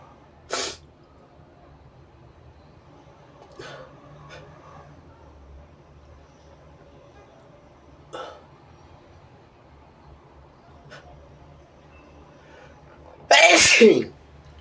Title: inducing big sneezes with a brush & blowing my nose